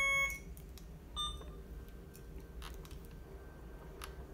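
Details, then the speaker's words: IV infusion pump air-in-line alarm, sounding because of too much air in the tubing and then overridden with restart: short electronic beeps over quiet room noise. "And you see what I just did there? It alarmed to tell me that there was too much air in the tubing, and I just hit restart to override it."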